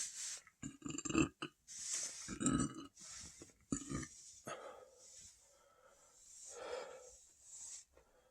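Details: A person who says their gut feels giant after about 5000 calories that day gives several loud, gurgling, repeated belches, some drawn out, with breathy pauses between.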